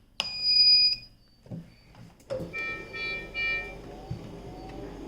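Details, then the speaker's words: Sharp electronic beep as an Oxymed Mini oxygen concentrator is switched on at its main power button, LED lighting up, then steady running noise as it starts producing oxygen; normal startup signal. "So once you switch this button on, you will hear a beep sound and you will see the LED light up. Now I'm switching it on."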